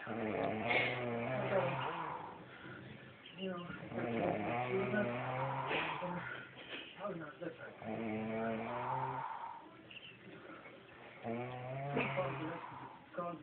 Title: Snoring brother